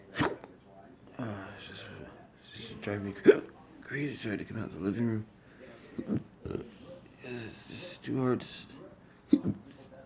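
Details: Intractable hiccups recorded at 4 AM on November 15, 2019, ongoing since December 2015, with breathing and choking spasms and cause undiagnosed: abrupt, sharp hiccups every one to three seconds amid quiet breathing and faint vocal noise.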